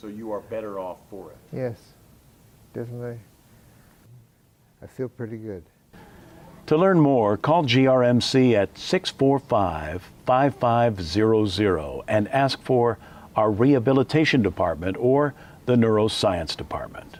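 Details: Two adult speakers, a quieter talker followed by a louder male announcer; ordinary speech.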